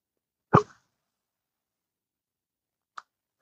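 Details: Person in their 60s (turning 65) with intractable hiccups since 2015, which began after colorectal surgery, now at least 12 hours a day and worsening; one sharp, abrupt hiccup then a faint second catch about 2.5 s later: hiccup.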